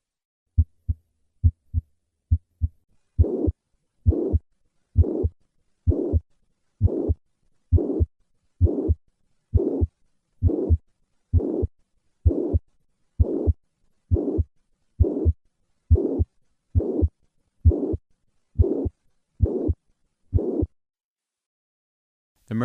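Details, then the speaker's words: Mitral regurgitation: holosystolic murmur of constant intensity, heard best at the cardiac apex, in a teaching recording. "In summary, mitro regurgitation presents with a holo systolic murmur of constant intensity which is heard best at the cardiac apex. Listen once again to a patient with mitro regurgitation."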